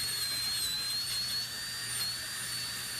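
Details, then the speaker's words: Steady high-pitched whine of a slow-speed dental handpiece polishing teeth right after braces removal, run slowly because teeth may be sensitive, with a low hum underneath. "Well, even though the sound is a dental handpiece, we don't have to run this at super high speeds."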